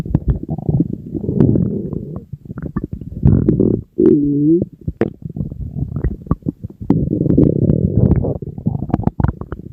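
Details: Loud, drawn-out gurgling and rumbling with a brief groaning tone from the empty stomach of a hungry person on a diet; stomach growling, borborygmi.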